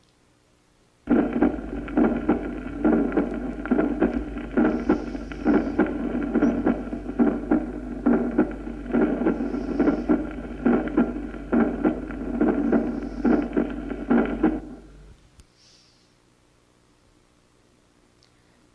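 Regular heartbeat, about 69 a minute, with a short rumble just before a doubled-sounding first sound: presystolic murmur of mitral stenosis.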